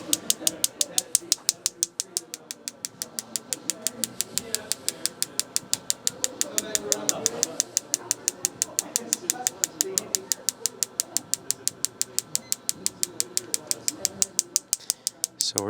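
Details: Focused shockwave therapy on a patient's hip for chronic hip pain, from an anterior angle with the energy turned down for comfort: sharp, evenly spaced clicks, about three a second, over quiet talk.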